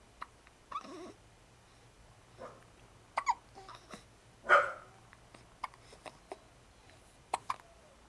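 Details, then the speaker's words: Two dogs hiccuping at once: repeated short, sharp gulping sounds at irregular intervals with a soft whimper; hiccups. "the dueling hiccups here."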